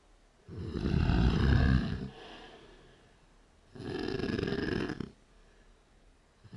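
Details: Two loud, low, rattling in-breath snores, each about 1.5 s, with quieter breaths between, from a young woman passed out drunk at 5 AM after a bonfire party; night-vision camera recording.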